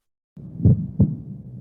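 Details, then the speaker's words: Normal first and second heart sounds from valve closure: two soft low thumps forming one lub-dub pair, counted as a single beat, then a voice starts over them. "entonces cuando ustedes les toque realizar la auscultación tiene que contar cada dos sonidos es un latido"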